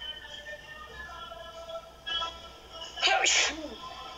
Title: Sneezes fit work